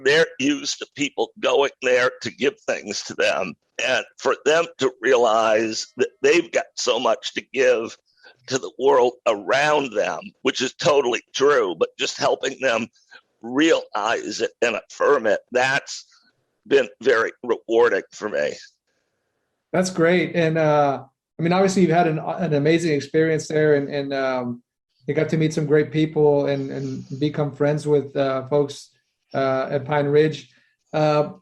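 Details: Adult male with a rare neurological voice disorder acquired in 2012 that made speaking difficult, still audible in his speech today: neurological voice disorder (likely spasmodic dysphonia).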